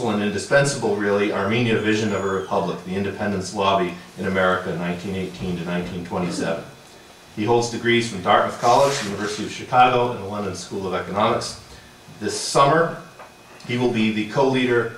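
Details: Adult man speaking; normal voice.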